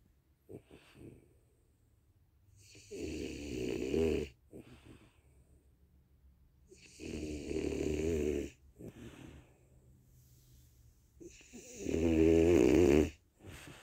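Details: Snoring: a sleeping French Bulldog with three loud rumbling snores about four seconds apart and soft snuffling between them.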